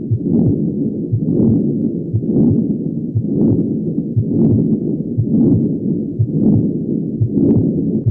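Heartbeat at about 59 a minute with a rough murmur that never falls silent between beats: the continuous murmur of a patent ductus arteriosus.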